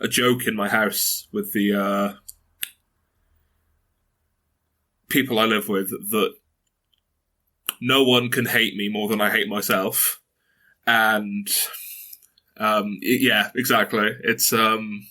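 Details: 22-year-old man who stutters, saying he often over-emphasises certain letters and uses secondary behaviours to get words out, and that on bad days sentences are almost impossible; stuttering.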